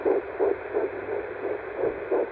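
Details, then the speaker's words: Fetal heartbeat heard on Doppler at a first midwife visit, at roughly 10–11 weeks of pregnancy (dating uncertain): rapid, regular whooshing pulses at about 170 per minute. "and that's when we got to really feel the first real connection with our baby i'll show you some clips from that which is the doppler hearing the heartbeat"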